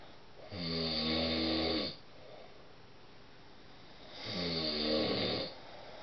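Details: Adult husband snoring during sleep, described as deafening: two deep, rattling snores on breathing in, about 3.5 seconds apart, with quiet breathing out between.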